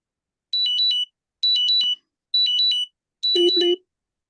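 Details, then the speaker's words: Continuous glucose monitor low-glucose alarm going off for a wearer during an online meeting. The wearer says the CGM reads below threshold, just barely 69, and takes glucose tablets. Four bursts of high-pitched warbling tone in a quiet room. "that's me that's my glucose alarm oh no are you all right I'm all right but uh the thing uh my CGM thinks I'm below 60 which I am"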